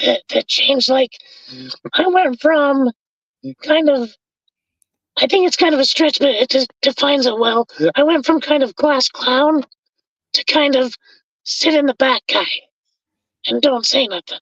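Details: Adult man with traumatic vocal fold paralysis after a four-wheeler accident at age 25 that split his trachea and tore his oesophagus; tracheostomy removed after 2 months; scope still shows paralysed cords; over 25 years since onset.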